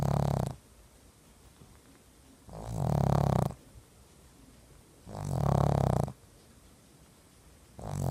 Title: Snoring Pug